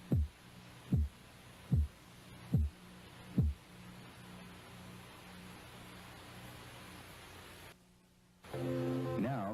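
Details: Korotkoff sounds heard by stethoscope at the elbow as blood pressure cuff pressure is released: five sharp regular tapping beats about 70 a minute fading into a steady hum, then music.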